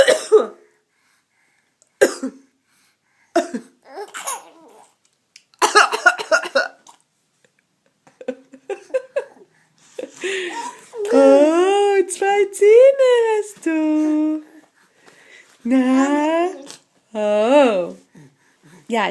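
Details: Mother coughing: several short, abrupt adult coughs, followed by an infant girl's bright, rising peals of laughter; cough.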